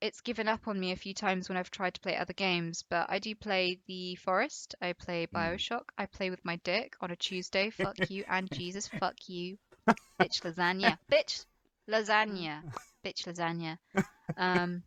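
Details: Adult female streamer with Tourette syndrome whose tics can start at any time and that she cannot control; involuntary vocal tics, including coprolalia and repeated phrases, interrupt her speech: Tourette syndrome vocal tics.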